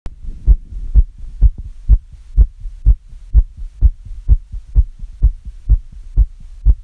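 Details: Self-recorded own heartbeat, pounding after listening to very fast heart sounds: fast, regular, strong lub-dub at about 125 beats per minute, tachycardia.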